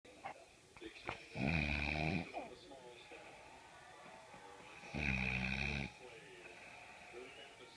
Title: Girl cool snoring (funny!)